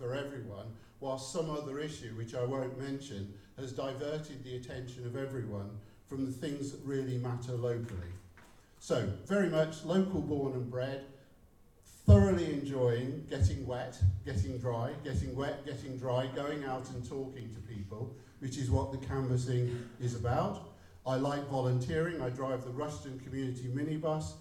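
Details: Adult male speaker; no speech disorder.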